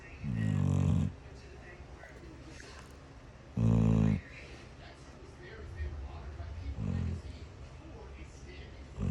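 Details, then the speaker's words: Little girl asleep after a stressful day, with loud, low rattling snores about every three seconds over a quiet background. "Such a sound came out of such a little girl."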